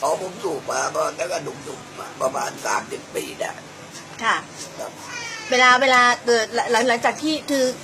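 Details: 68-year-old woman, smoker from age 18 for about 30 years, with biopsy-confirmed laryngeal cancer treated by total laryngectomy; post-laryngectomy voice.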